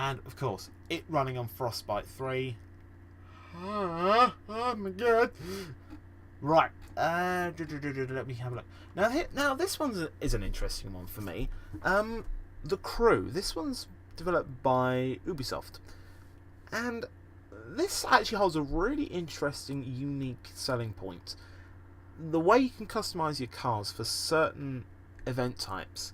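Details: Podcast host who says he stammers and stutters a lot; stuttering.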